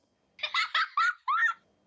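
Four quick, bright bursts of giggling from one person, clear and full-toned: a laugh as heard with normal hearing, unaltered.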